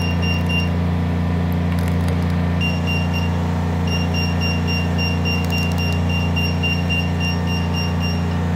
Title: Laser Hair Removal Treatment